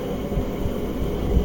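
Low heart thumps with a rough, rumbling low-pitched sound between them, fitting the murmur of mitral stenosis.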